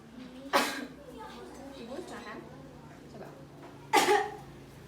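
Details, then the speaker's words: Simulated nursing demonstration of effective coughing with a seated patient: deep breath held 3 seconds, then cough quickly, with auscultation checked before and after. Two sharp, forceful single coughs separated by quiet breathing; a deliberate voluntary cough. "Tindakan yang kedua yaitu ibu menarik napas dalam-dalam dan tahan selama 3 detik, lalu batukan dengan cepat. Saya contohkan ya ibu."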